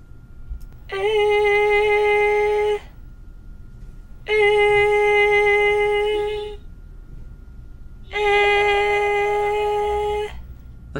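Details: Singer with muscle tension dysphonia in which the posterior cricoarytenoid muscle contracts and pulls the vocal processes apart; muscle tension dysphonia.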